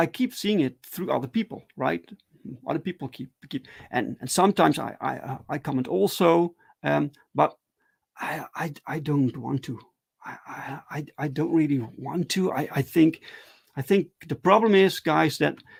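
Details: Adult man who stutters, talking live in a solo stream; stuttering.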